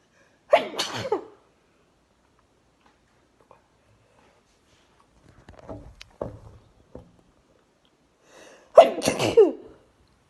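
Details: Sneezing triggered by sneezing powder inside a face shield: two loud sneezes a few seconds apart, with softer breathy snorts between them.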